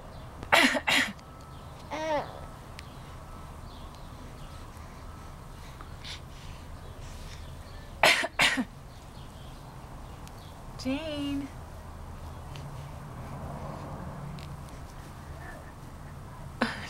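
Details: Four-month-old baby girl fake-coughing on cue, smiling and excited: two brief, deliberate paired cough bursts with small vocal coos between.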